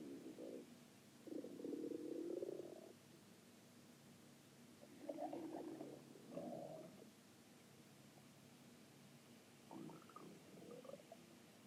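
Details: Ordinary stomach growling (borborygmi): several gurgling, croaking growls in short bursts with quiet gaps.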